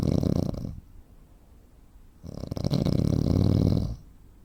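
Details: Two loud, low, rattling inspiratory snores separated by a quiet pause of about 1.5 seconds, from a 43-year-old man, 85 kg, 165 cm, with snoring and sleep apnea; real-life recording.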